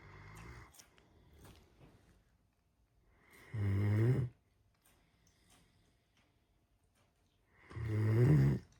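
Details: Steady snoring from a sleeping Great Dane puppy almost 9 months old, with a person crunching Cheetos in the background.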